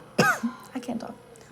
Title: I js can’t stop coughing